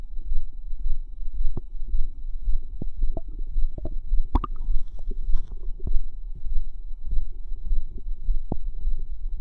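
Frequent low gurgles, pops and bubbling squelches from the belly, with a faint steady hum behind; ordinary active bowel sounds.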